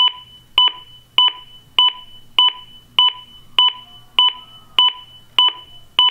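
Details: ZOLL AED on a training simulator: after a shock is delivered and the CPR button is pressed, steady electronic beeps at about 100 a minute act as a metronome pacing chest compressions.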